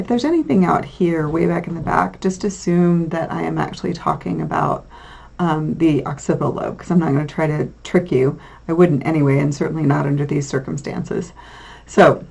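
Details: Adult lecturer; normal speech.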